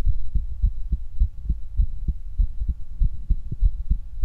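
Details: Heart auscultation: regular low lub-dub heart sounds, roughly 100 beats a minute, with a faint steady hum behind; normal heart sounds.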